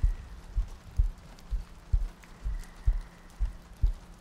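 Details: ASMR sleep-aid loop, likely simulated: soft, regular low heartbeat thumps at about 63 per minute over faint rain-like hiss, meant to sound like lying next to a partner; steady heartbeat.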